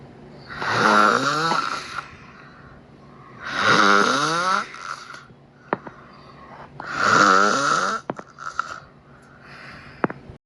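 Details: Heavy snoring: three loud, rough, fluttering snores about three seconds apart, roughly 20 a minute.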